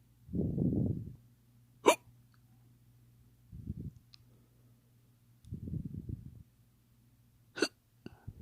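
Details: Imitated hiccups: two sharp, clicking gulps between breathy low sounds, faked rather than real.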